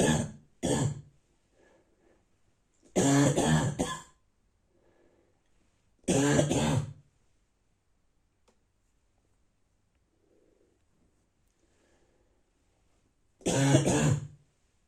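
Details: Adult with a bad cold and pain inside the chest gives a morning run of harsh, dry, barking coughs separated by quiet pauses and soft breaths; dry barking cough.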